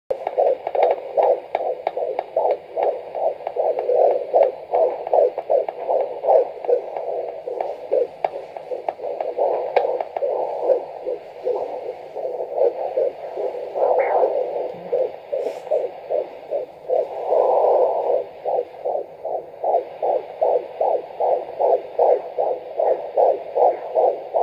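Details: Fetal heartbeat on Doppler at 15 weeks of pregnancy, heard for the first time: fast, regular whooshing pulses at about 150 beats a minute.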